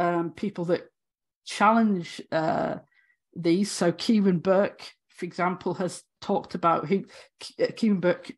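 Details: Stammering (stuttering) in an adult woman academic who has stammered throughout 18 years as a higher-education lecturer.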